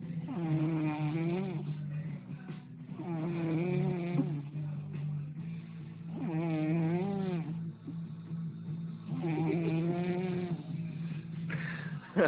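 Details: Loud, rattling snores recurring about every three seconds, roughly 20 a minute, with a steady low hum underneath.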